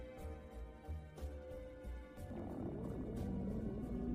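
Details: Person's stomach growling after coming home and showering: low, drawn-out rumbling and tonal gurgling that shifts in pitch over a steady low background hum, borborygmi.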